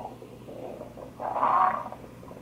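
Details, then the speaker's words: Stomach growling (borborygmi) during a cystic fibrosis clinic visit, from someone who says they are very hungry after not eating for two days: a low gurgling rumble swelling into a louder watery growl. "Yeah, my stomach's growling. I'm trying to hear it. You got something living in there, dude. Stomach's growling."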